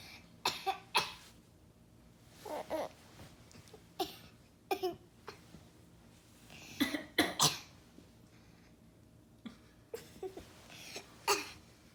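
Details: Repeated short, sharp coughs from a young child in small clusters, mixed with another child's bursts of laughter; cough.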